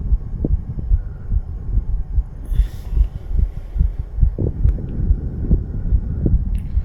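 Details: 34-year-old male under the influence of nicotine and cannabis, visible fast heartbeat: rapid, regular low thumps at roughly 140 a minute under steady rumbling noise.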